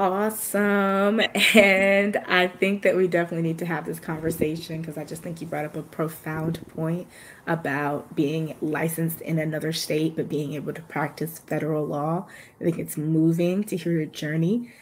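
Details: Adult woman speaking; Normal voice.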